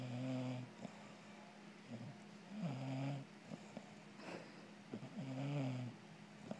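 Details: Robin, a female bulldog cuddling with her owner, snoring with low buzzing rumbling snores about every two to three seconds over faint steady room hum; snoring.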